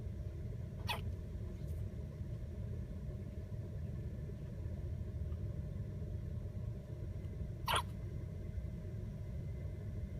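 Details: Hiccups in an infant: two brief, sharp hiccup clicks several seconds apart over steady low rumbling background noise.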